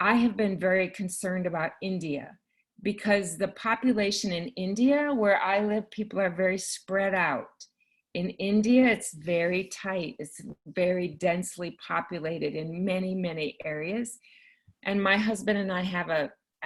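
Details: Adult woman speaking; typical speech.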